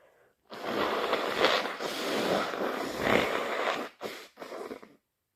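A long, loud, wet sneeze-like burst of noise, then two short bursts like sniffs or a nose blow.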